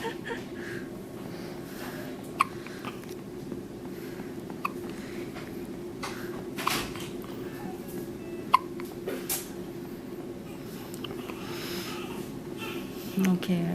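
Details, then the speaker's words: Newborn baby girl in hospital nursery hiccuping after feeding while falling asleep: several soft, brief hiccups spaced irregularly over quiet room noise. "she's got the hiccups again she gets the hiccups every time she now she's falling asleep"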